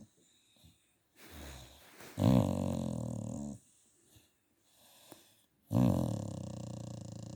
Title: Snoring Staffy Buster. Turn your volume up up up for relaxation 😴